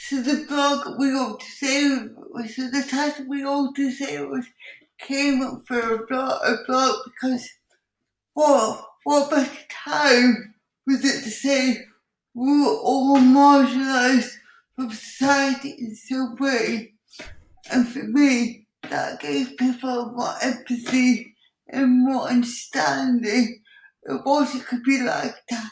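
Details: Dysarthria in an adult woman with cerebral palsy, who also has involuntary movements and uses a wheelchair.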